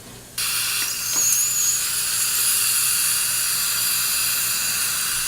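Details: Live dental implant surgery training, posterior mandible near the mental foramen: a continuous high-pitched whine starting abruptly and holding steady, the implant handpiece drill running.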